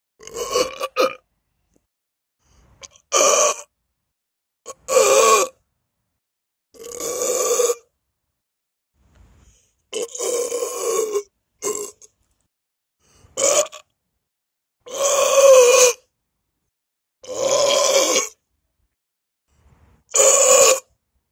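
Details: About eleven loud, deliberate burps in a row over twenty seconds, separated by short pauses, recorded at a school centre: repeated voluntary belching.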